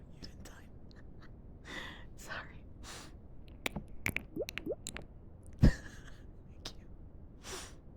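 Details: Streamer's soft breathy whispers, sharp breaths and small mouth clicks, then one abrupt loud burst partway through: a single sneeze.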